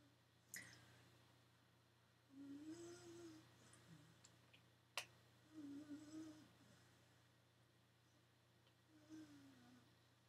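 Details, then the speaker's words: Pet named Maddie snoring while asleep in a quiet room: soft, tonal, slightly whistling snores about every three seconds, with a few clicks. "Can you hear Maddie snoring? She's really giving it some back there."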